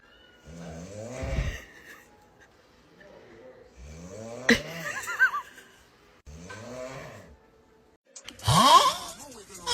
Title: Ranking the funniest snoring fail moments. #funny #snoring #snoringsounds #shortsfeed